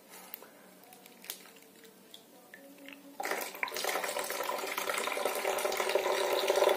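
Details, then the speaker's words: Nasal irrigation with warm, body-temperature solution for long-standing sinusitis, head tilted so all the water drains out: quiet drips, then a steady splashing stream of water into a sink. "Nah setelah itu artinya apa namanya tidak harus miring atau memang kalau bagusnya tumiring agar aliran air itu bisa keluar semua begini miring-"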